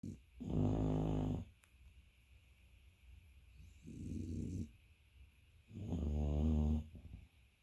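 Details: A sleeping dog snores loudly, with three rumbling, rattling breaths at about eight breaths a minute.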